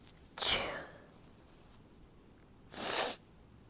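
Two short, muffled, hissing bursts a couple of seconds apart in a quiet room: stifled sneezes held back rather than fully released.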